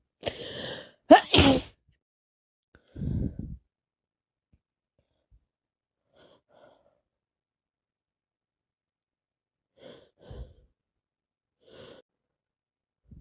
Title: Feeling miserable and sneezing everwhere, 28 mins me sneezing and sniffing tho this cold 😤😤🤧🤧😤😤😤🤒🤧🤧🤧